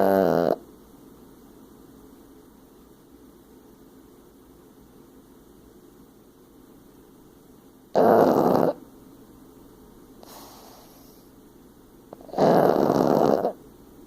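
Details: Snoring: loud, rough, snorting snores in bursts under a second long, with quiet breathing between them and a faint softer breath in the middle.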